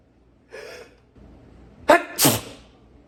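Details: Long sneezing fit: a voiced catching inhale, then a sudden forceful sneeze burst, part of a run of repeated big powerful sneezes.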